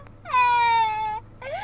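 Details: Young girl crying with a sustained, high-pitched wail, then starting a second cry, an ordinary upset cry after her dad jokingly tells her only he can play in the McDonald's play place.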